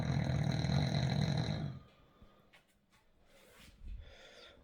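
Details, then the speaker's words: A loud, rough, low rumbling snore from a sleeping dog in the background lasts nearly two seconds, then fades to quiet room noise. "all right you can probably hear our dog snoring so that's the thing making the noise here"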